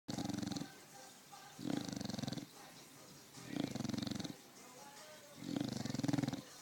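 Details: Loud, regular, rumbling snores on each breath, about 30 a minute, with quieter exhalations between; snoring.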